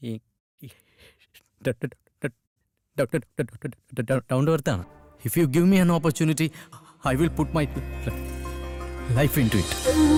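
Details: Stuttering in a woman who realised in LKG (kindergarten) that she had a stammer; stuttering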